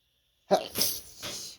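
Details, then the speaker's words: Person with an itchy, tickly nose in a run of sneezes: one short, sharp burst followed by a few softer, held-back bursts; stifled sneezing. "So sneezy right now. Chew. Chew. Oh my goodness. So tickly. Another sneeze."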